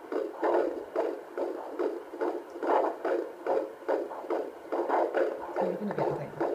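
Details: Fetal heartbeat on handheld Doppler, second baby heard for the first time: rapid regular whooshing pulses, roughly 140–150 bpm.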